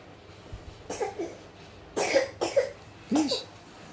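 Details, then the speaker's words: Infant on day two of a cough, on waking, propped on a high pillow; phlegm comes up but is swallowed again: three or four short, wet-sounding coughs, a productive cough with mucus. "Nah itu loh, dia kadang ini sudah keluar itu dahaknya. Cuma kadang kalau bayi belum bisa memberikan insting untuk meludah, jadinya ditelan lagi."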